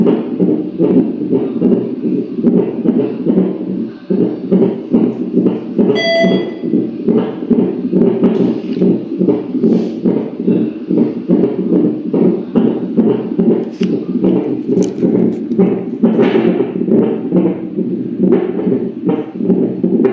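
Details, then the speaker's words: Fetal monitor during day-5 monitoring: rapid rhythmic whooshing fetal heartbeat, around 140 a minute, over background music. The rate rises when the baby moves and returns to baseline afterward, and the baby is judged safe. "Ang taas pala ng heart heartbeat ng bata sa loob ng [Musika] tiyan kayaa magpagod yung magulang no yung yung mama kasi mas lalong tataas yung rate ng bata sa loob"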